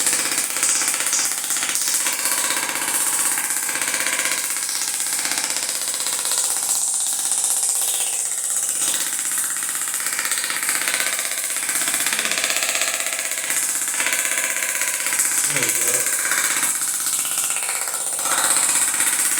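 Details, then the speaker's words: Shockwave therapy on a neuropathy patient's feet, handpiece set to 16 impulses per second: fast, steady rattling taps like a small jackhammer, from a small piece moving back and forth very fast; shockwave therapy device operating. "So, this is shockwave therapy. It's sound waves. There's a little piece in here that goes back and forth really, really fast."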